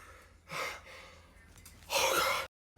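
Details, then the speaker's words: Quick inward gasps as a sneeze builds up and stalls, then a sharp sneeze-like burst; the person blames spring allergies for the sneezing; pre-sneeze gasping. "My sneeze literally was about to come out, but then for some reason it stopped and decided to not come out. Like, bro, it's so annoying."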